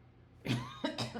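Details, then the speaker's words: An adult man gives a quick run of three dry coughs after a brief quiet, with air-purifier buzzing possible; he says the cough is recurring, he thought he was over it, and it is not a cold: dry cough. "Ugh. It's that stupid dry cough. I thought I was over it, and I'm not. It's not a cold. It's just a terrible cough."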